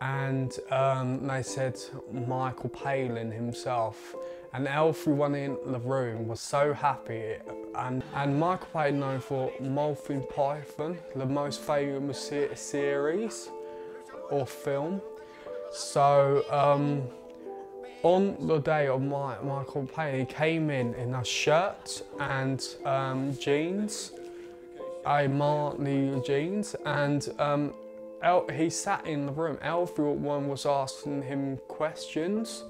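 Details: 20-year-old man with a stammer since about age eight, blocking on first syllables or letters of words, especially his own name; stuttering (stammer)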